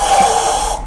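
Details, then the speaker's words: Brief, harsh, hissing inspiratory snore with a whistling edge, tongue sagging more than in simple snoring so the airway is very narrowed and air can't enter properly; obstructive snoring. "목걸이를 보시면 코골이하고 비교해 봤을 때 혀가 훨씬 더 처진 걸 볼 수 있습니다. 그래서 구멍이 이처럼 아주 좁아져 있습니다. 그래서 숨이 제대로 못 들어가고 이런"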